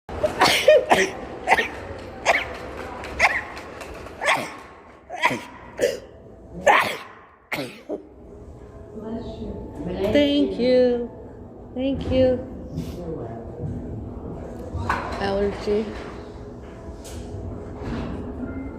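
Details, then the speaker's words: Run of sharp, explosive sneezes in the first half, then voices and room noise; repeated sneezing attributed to allergies. "I sneeze more than that. Allergy. Allergies."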